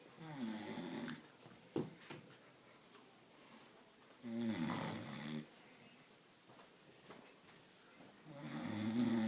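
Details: Loud rattling snores recurring with slow breaths, about three in nine seconds, with quiet gaps between; ordinary adult snoring.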